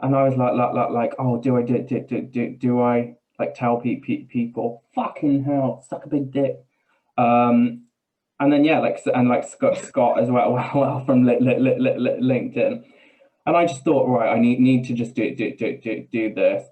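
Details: Man with Tourette's syndrome whose tics are involuntary swearing and blurted phrases in mid-sentence, with a stammer that worsens under stress; real, not acted; vocal tics with coprolalia (Tourette syndrome).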